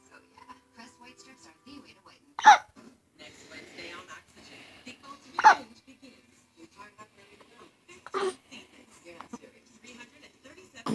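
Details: Little boy hiccuping: sharp, abrupt hiccups recurring every few seconds, with quiet adult talk in the background; ordinary hiccups.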